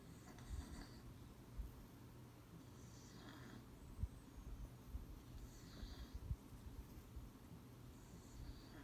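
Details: Buddy, a beagle, sleeping: soft, rhythmic breathing with rattling snorts and low snores about every two and a half seconds.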